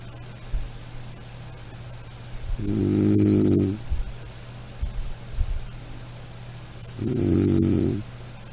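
Two long, droning snores about four to five seconds apart over a low room hum. Snoring.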